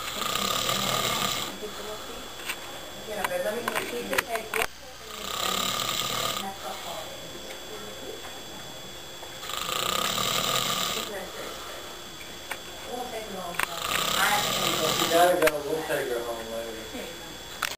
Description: My ten month old little girl and me taking an Easter nap. These are the days. Of course I didn't mind the snoring.